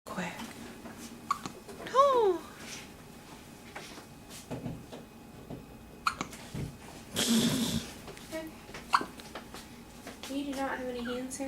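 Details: Hiccups in a 10-hour-old newborn baby: soft, brief hiccup sounds, irregularly spaced, with quiet adult voices and room noise in the background.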